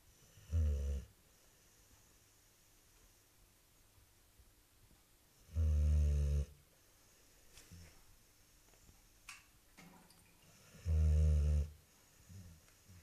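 Deep rumbling snores from a sleeping dog, about 11 per minute, each long and coarse, with quiet room sound between them.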